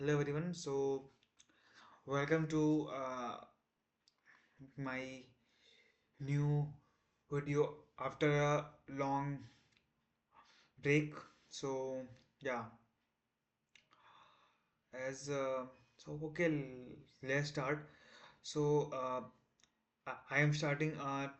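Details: Male self-described person who stammers, day 1 of a 30-day stop-stammering challenge, explaining a math topic; repetitions and fillers audible; stuttering.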